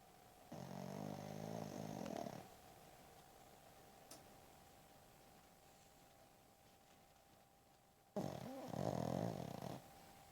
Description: Penny the Chug snores away the day!!! Enjoy!!! / #pennylane #pennythechug #pug #chug #chihuahua #snore #snoringpup #snoring #snugglingsunday